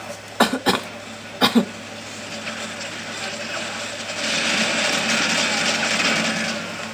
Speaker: as you can hear i'm coughing got a little bit of a cough going on